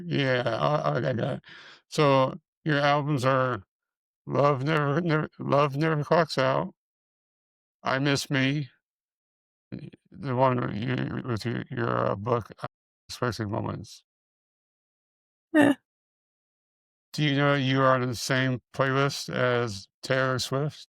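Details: Man with multiple system atrophy, parkinsonian type (MSA-P), who reports his speech has more of a stutter and tremor, more noticeable after the first two minutes; dysarthria in MSA-P.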